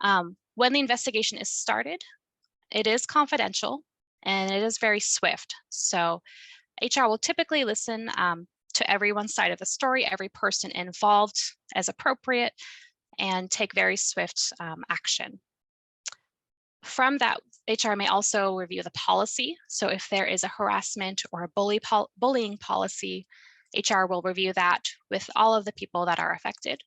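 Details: Adult woman speaking; Ordinary fluent speech.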